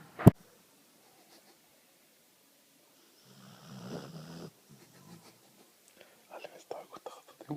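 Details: A single low, rough snoring breath from a sleeping rescued dog, said to snore like a human, with faint snuffling afterward in a quiet room; snoring.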